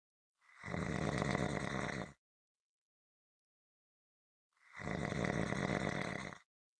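Two long, loud, rough snoring breaths separated by a silent pause, in a steady rhythm.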